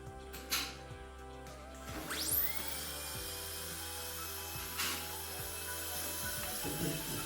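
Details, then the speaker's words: Ultrasonic scaler used during dental scaling to remove tartar (a bacterial colony) from a patient's teeth. Deposits are slight and the patient has never had scaling before. High-pitched whine and hiss with water spray, brief clicks and a low hum. "वो bacterial colony होता है basically. उसको हम remove करते हैं ultrasonic scaler के माध्यम से।"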